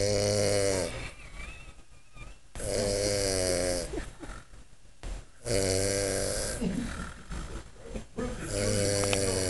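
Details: Loud, rough snores at a steady pace, about 21 a minute, with noisy breathing between them; snoring.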